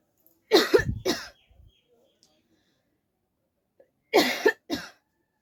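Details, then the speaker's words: Two pairs of forceful, dry coughs separated by silence, done deliberately for a coughing challenge rather than from illness; voluntary cough. "तो guys आज हम फिर से coughing challenge लेके आए हैं और कफिंग चैलेंज करने में मुझे बहुत मजा आता है"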